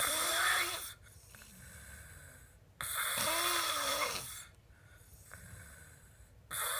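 Loud, rasping noisy breaths recur about every 2 to 3 seconds, separated by quieter stretches; a heavy snoring pattern during sleep.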